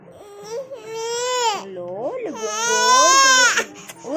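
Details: An infant girl cries in loud, high-pitched bursts with rising and falling pitch, over background music, while adults try to soothe her.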